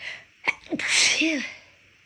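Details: Big sneeze after recent illness, with lingering left-nostril tickle: quick inward breath, then one loud, hissing sneeze that trails off.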